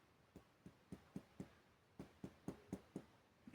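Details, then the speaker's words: Abdominal physical exam: percussion over Traube's space, between the epigastrium and left hypochondrium in the upper zone, gives a much clearer, very hollow, hypertympanic note, more tympanic than the adjacent area. "Pero se escucha un sonido mucho más claro como mucho más hueco esto es un sonido muy hueco"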